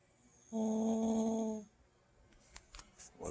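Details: Adult man snoring: a single long, loud, honking snore with a steady horn-like pitch likened to a car horn, followed by quiet room noise.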